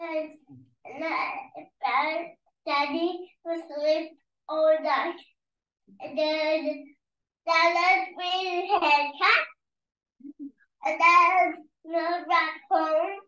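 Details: Girl with DDX3X syndrome: childhood apraxia of speech with apraxic errors plus marked dysarthria, tremulous voice that is not crisp and clear, some tonal issues.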